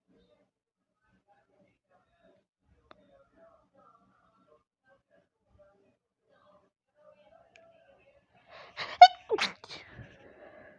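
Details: Sudden sneeze attack, recorded through headphones with a loud TV in the background: quiet, then one loud sneeze burst with a brief trailing sound; sneezing.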